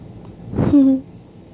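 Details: Baby with hiccups: a single abrupt catch of breath followed by a short squeaky vocal sound, an infant hiccup.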